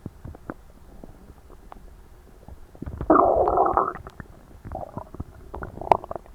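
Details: Bowel sounds (borborygmi) recorded right after an overly large Christmas dinner, gut feeling tight and achy: scattered soft clicks and pops, then a loud one-second bubbling gurgle and a few shorter gurgles, active digestion.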